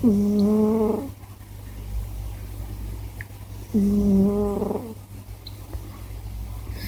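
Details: Scottish Fold cat snoring: two loud, droning, nasal snores about four seconds apart over a steady low hum.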